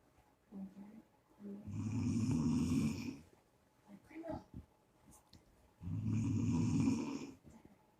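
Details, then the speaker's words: Elderly woman (grandma) asleep, snoring loudly; rough rattling snores on inhaling, about two in eight seconds with quiet pauses; plain heavy snoring. "If you can hear her, it's funny. Look at her just snore. It's a wild grandma snoring."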